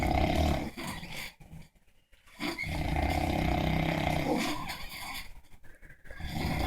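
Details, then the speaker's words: Two overweight men sound asleep: loud, rough, rattling snoring runs almost continuously with brief pauses, and the second man's snoring grows louder; heavy snoring during sleep. "that [ __ ] number two just got louder it's getting more aggressive he feels threatened"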